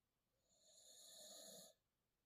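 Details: A pit bull/bulldog puppy snoring while trying to sleep: one soft, whistling, hissing snore.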